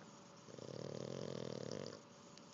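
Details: Sleeping pug after learning to swim: single loud, rattling, buzzing snore lasting about a second and a half against quiet room noise; snoring.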